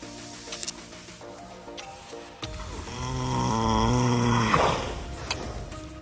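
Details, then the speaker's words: Horse of about 1,200 lb snoring in a deep, mouth-open sleep while napping beside its owner: deep, drawn-out rattling snore with light background music. "Yep, that wasn't the woman. That was the horse. And the best part, she loved it. She wakes up, hears this noise, and instead of being startled, she starts giggling >> like it's the sweetest sound in the world."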